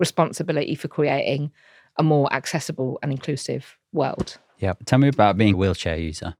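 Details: Adult male speaker; normal speech.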